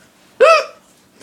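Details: A single sharp, voiced hiccup with an abrupt onset and quick fade, from a person who gets hiccups often and is having them again.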